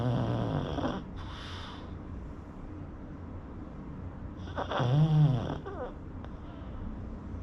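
Two rough, rattling snores with a quiet pause between them, from a sleeping flat-faced dog.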